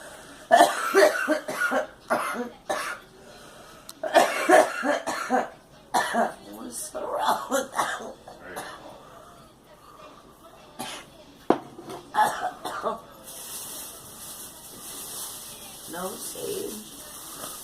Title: Girl coughing